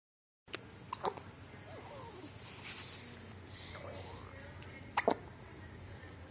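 Three or four short, sharp catch sounds over about six seconds against quiet room noise, consistent with hiccups.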